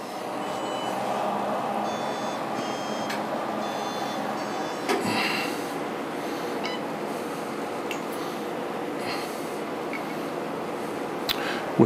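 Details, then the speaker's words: Ultrapulse Encore CO2 surgical laser switched on by key, calibrating itself for 45 seconds to a minute: steady machine hum with short electronic chirps, beeps, clicks, pops and buzzing; normal self-calibration sounds. "i'm going to turn the laser on it's going to take about 45 seconds to a minute for the laser to calibrate itself you'll hear buzzing some clicking some chirping a couple pops and a buzz"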